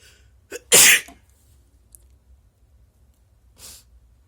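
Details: Induced sneeze: a quick in-breath, then one loud explosive sneeze, followed by a softer breathy exhale.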